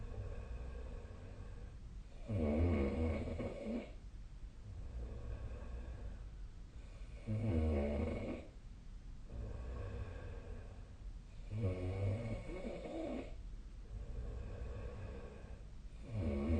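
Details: Sleep snoring recorded with the SnoreLab app: regular low, rumbling snores, about 13 breaths a minute, each one to two seconds with quieter breathing between.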